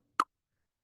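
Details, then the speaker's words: Single sharp, brief click vocally imitating the opening snap of mitral stenosis, sequenced as lub-dub, opening snap, then presystolic accentuation, in a lecture on valvular heart disease. "ये है opening स्प खुली व खुली और then ये blood गया इसे बोलते हैं प्रिसिस्टोलिक एचएन"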